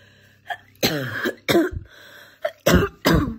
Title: Morning Chesty Barking Cough